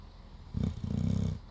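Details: A single low, rumbling snore breath lasting about a second, with a brief break in the middle; snoring.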